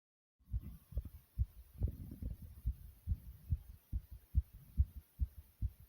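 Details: Rapid, regular low heart thumps at about 140 beats a minute, self-recorded from inside the chest: fast heartbeat (tachycardia).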